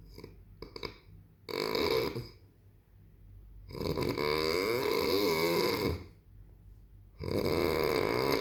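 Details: Loud, rough, rattling snores on long breaths from an adult man (father), separated by quiet pauses; heavy snoring.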